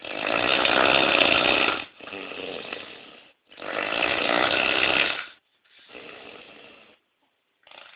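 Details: Very loud, harsh rattling snores on each in-breath, with quieter out-breaths between them; heavy snoring.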